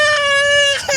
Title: Crying baby